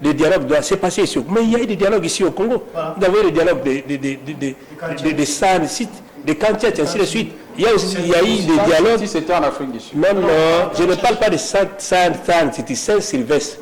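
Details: Adult man who says he stutters (self-identified stammerer), speaking French spontaneously with repeated syllables: stuttering.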